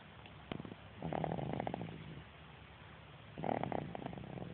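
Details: Afternoon sleep: two soft, fluttering, buzzy breaths about two seconds apart; light rattling snoring.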